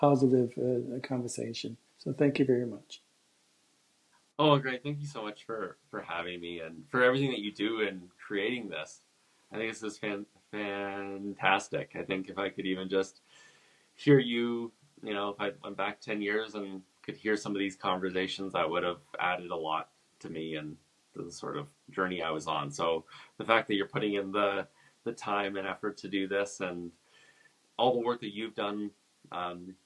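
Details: Stuttering in an adult man who stutters and is also a speech-language pathologist, speaking in a podcast interview, with word repetitions heard such as "I I", "some some" and "wouldn't wouldn't".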